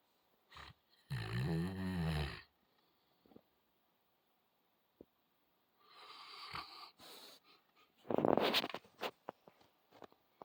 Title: Alabai central Asian shepherd snoring